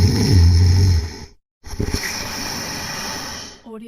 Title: Snoring compilation 101